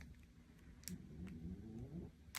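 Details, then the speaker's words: Very loud snoring from a sleeping pug dog (female), heard in the background. "That's my dog. She's a pug, and she snores very, very loudly, as you can hear."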